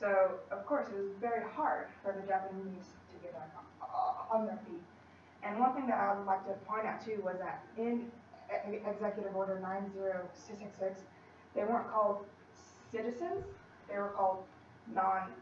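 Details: Female college student who stutters, in speech-language therapy with a fluency technique, giving a practice presentation to 10-15 people at her clinic; she stutters more before unfamiliar people or large audiences; stuttering.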